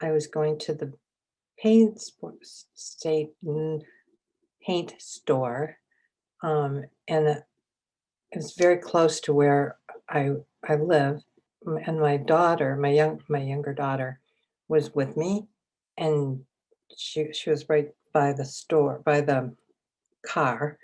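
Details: Adult woman with aphasia acquired from a stroke three years earlier, attending an aphasia program. Aphasia.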